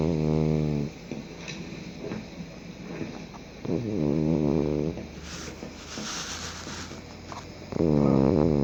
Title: Cat Snoring Loud